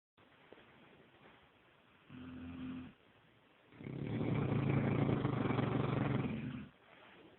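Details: Sleeping Neapolitan Mastiff dog snoring: two low, rumbling, fluttering snores, a brief one then a longer, louder one, against quiet room noise.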